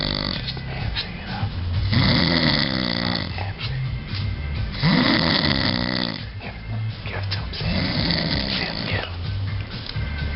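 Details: A man snoring heavily in his sleep after about four beers and a shot of Malibu: loud, rough, rhythmic breaths, about three over ten seconds, with music behind.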